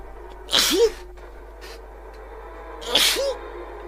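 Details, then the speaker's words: An adult sneezing while streaming a video game: two sharp, hissing sneeze bursts, each with a brief voiced tail, over faint game music. "I was just about to kill those things, and I was gonna use my shovel, but because I sneezed and it made my eyes go a little bit funny, just ran onto the spikes."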